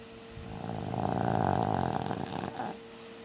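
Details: A single loud, rattling snore lasting about two seconds over a steady background hum; snoring.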